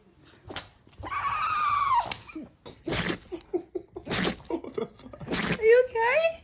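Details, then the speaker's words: A male pet dog gives a sudden sneeze; the owner reacts with concern, asks if he is okay, then praises him as a good boy. "Whoa! Raven, are you okay? I give him a sneeze."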